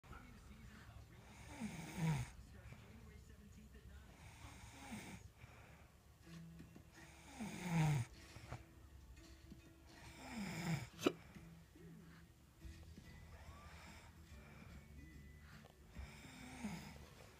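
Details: Two people snoring: irregular loud rattling snores with occasional whistling tones over room hum, spaced several seconds apart.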